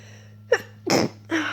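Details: Person getting a cold, inducing sneezes and trying to stifle them: quick intake, then a sharp partly held-back sneeze and a second burst; stifled sneeze.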